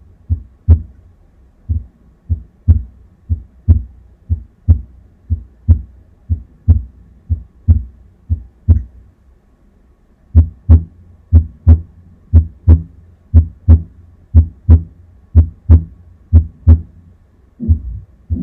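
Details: Simulated heart sounds on an auscultation mannequin, about 60 beats a minute, with a systolic murmur filling the gap between beats: mitral valve regurgitation.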